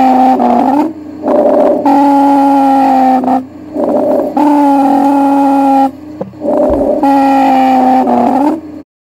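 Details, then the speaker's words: Asthmatic lung sounds on a stethoscope, contrasted with normal lung sounds near the bases: loud musical wheezes repeating with each breath, mostly and longest during expiration. "now here are asthmatic lung sounds notice that most of them occur in the expiration"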